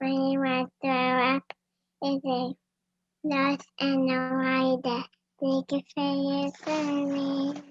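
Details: 9-year-old boy who clutters, which he describes as talking too fast; cluttering.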